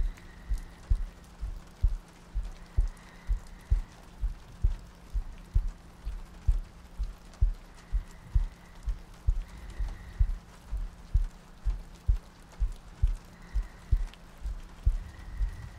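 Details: ASMR sleep-aid soundscape looping heartbeats, soft breathing and rain ambience: steady, soft double thumps at about 65 a minute under rain noise and faint music, a regular heartbeat.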